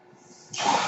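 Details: The speaker's own ventilator heard during a podcast recording: near silence, then an abrupt rush of steady, airy hiss as a breath is delivered; mechanical ventilator airflow.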